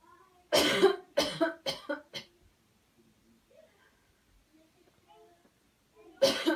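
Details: Cleansing-healing coughing technique demo: after guided counted breathing and a deep breath in, a run of four forceful coughs, a pause, then another cough; voluntary airway-clearance cough.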